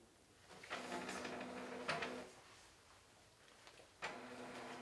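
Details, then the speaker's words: Quiet room with two short bursts of mechanical whirring and feeding as an EKG machine prints the heart rhythm tracing after about 10 seconds of recording with the patient still; health science class demonstration. "Once the EKG machine has analyzed the rhythm of the heart, you can then print out the visual image of it."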